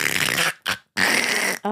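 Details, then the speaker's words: Adult imitating a sick young daughter's snoring with a 100% clogged nose, which raised worry about sleep apnea: loud, rattling, snorting breaths with short pauses, congested snoring. "I was worried it sounded like she had sleep apnea right cuz her nose was just 100% clogged she couldn't breathe through it"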